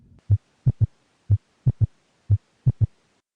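Regular low heart sounds about 60 a minute, with a faint extra low sound just after the second sound: an S3 gallop.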